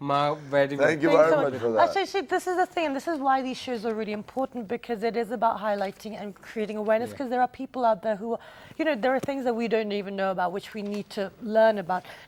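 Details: Adult woman speaking; normal speech.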